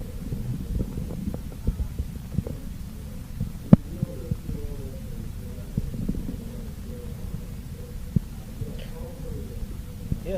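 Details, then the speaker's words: Korotkoff sounds heard through a stethoscope while a blood pressure cuff deflates: low muffled thumping over a steady hum; onset of the deep sound marks systolic pressure and its disappearance marks diastolic pressure. "से जो deep sound पैदा होता है तो ये systolic blood pressure का साउंड है। ठीक है, और फिर जब ये साउंड स्टॉप होता है तो डायस्टोलिक ब्लड प्रेशर इंडिकेट करता है।"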